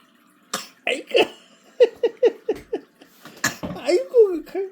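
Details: Late-born baby eating puffed rice snacks and playfully imitating a cough, likely copying his father: a run of short, voiced cough-like bursts; imitated cough.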